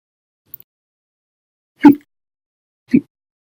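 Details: Hiccups in a person, episode lasting over 13 hours after eating and drinking soda: two abrupt, short voiced 'hic' sounds about a second apart in a quiet room.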